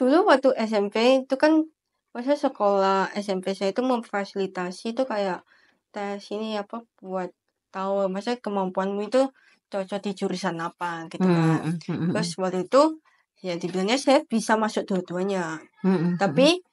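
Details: Teenage girl speaking Indonesian; speech of a cochlear implant user.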